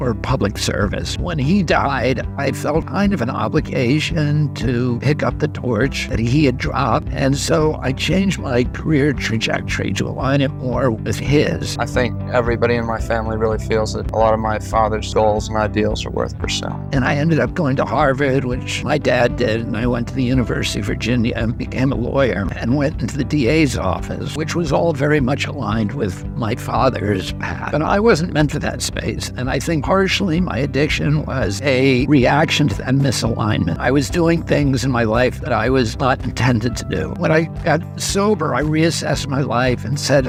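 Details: Spasmodic dysphonia (he calls it spasmodic dystonia) in a 70-year-old man: a neurological voice disorder that makes his voice tremble, with onset at age 42. He also says his voice was very strong until age 46.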